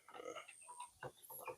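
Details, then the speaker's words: Barred Rock chicken with mild respiratory snoring ("ngorok"): short rattling, grunt-like breathing noises. "Namun ayam baret rock kita sedikit agak ngorok, Guys."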